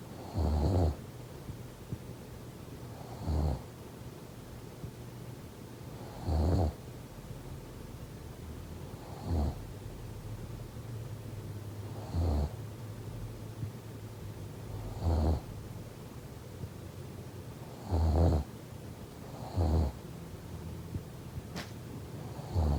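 Low rumbling snores recur about every three seconds, roughly twenty breaths a minute, over quiet room noise.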